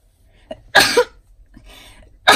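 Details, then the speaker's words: An adult woman, mid-talk during a crafting session, gives a quick catch of breath, then a sharp, explosive two-part sneeze with a second burst starting at the end. "excusez moi j'écoute mais qu'est-ce que je me suis mise à éternue"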